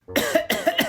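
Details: Repeated coughing from a person who attributes it to allergies.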